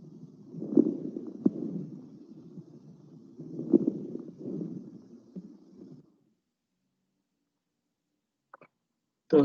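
Two breaths of low, rumbling airflow with wet, bubbling pops through each, then quiet and a brief noise at the end; coarse crackles.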